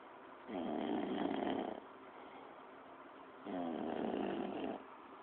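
Two moderate, buzzing snores about three seconds apart over steady room hiss; snoring at about 20 breaths a minute.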